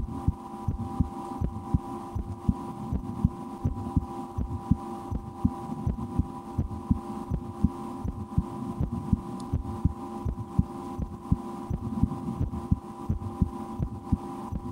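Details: Own heartbeat recorded through a stethoscope for relaxation, at times holding breath or playing a game to raise the rate, after a restaurant lunch; faint regular thuds about 80 a minute under a steady hum; ordinary heartbeat.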